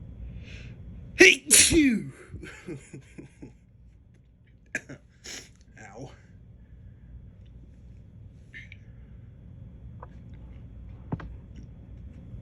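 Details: Person feeling allergic lately, deliberately provoking sneezes: one sharp explosive sneeze, then several smaller catches, false starts and short bursts with a little talking in a quiet room.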